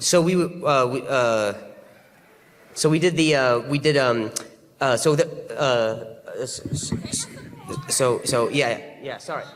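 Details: Adult male comedian having difficulty hearing himself after a sudden loud noise on stage; stuttering.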